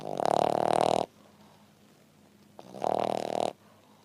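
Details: French Bulldog snoring while resting after breakfast: two loud, rattling snoring breaths about a second long, separated by a quiet pause.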